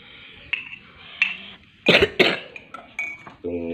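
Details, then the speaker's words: Adult with a lingering cough making calamansi juice with honey as a remedy: two sharp, harsh cough bursts amid kitchen clinks, brief voiced sound at end; cough. "Happy Saturday morning mga tropa since pa rin nawawala ating ubo mga tropa"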